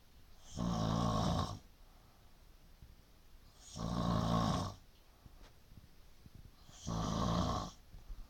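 Three rough, rattling snores about three seconds apart, roughly 20 a minute, over quiet room noise; ordinary snoring.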